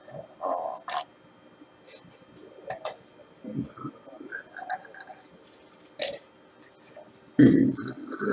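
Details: Deliberate, performed weak burps done for fun: several short, soft burps with quiet pauses and one louder burp near the end, the burper running out of steam; ordinary belching.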